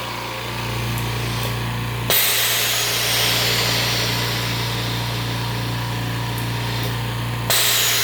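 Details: DIY OxiKit oxygen concentrator with an 84-h sieve on a five-second cycle: a loud, steady compressor drone and hum, with sharp hissing valve releases about every five seconds while the concentrator runs.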